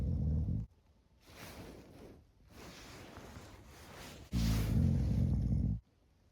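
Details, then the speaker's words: Adult man asleep in a cold outdoor winter bivouac after drinking beers, his big nose poking out of his sleeping bag; loud, deep, rattling snores with quieter breathing between them. "Regardez-li avec son gros pif qui ronfle."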